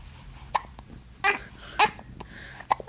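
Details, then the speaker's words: Infant who has had hiccups all day: brief, sharp hiccups, several in under three seconds, mixed with small fussing and crying sounds. "hiccups are those from Daddy and they make you mad don't they they make me mad too"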